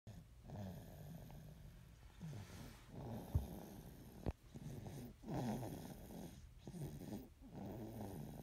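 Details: Soft, low, rhythmic snoring with regular breath cycles, about seven to eight breaths in eight seconds.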